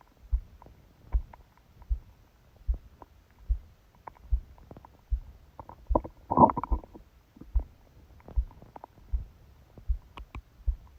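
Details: Stomach growling recorded during sleep with a phone held on the abdomen under a book: steady, loud low heartbeat thumps of about 75 a minute, which sounded unexpectedly fast, with a gurgling rumble partway through; normal bowel sounds with heartbeat.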